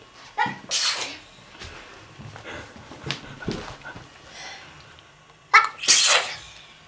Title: Чихающая девочка - Смешно - Child sneezes